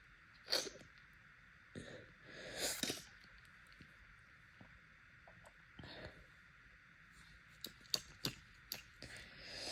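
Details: Seasonal pollen allergy with bloodshot, swollen eyes and a very wet, congested nose: several quiet, wet sneezes and sniffs in a quiet room. Allergic sneezing.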